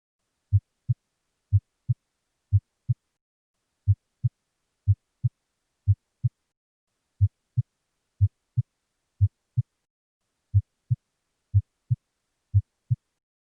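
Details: Normal heart sounds: crisp paired lub-dub at about 55–60 beats a minute with quiet intervals; S1 from mitral and tricuspid closure, S2 from aortic and pulmonic closure; normal S1 and S2.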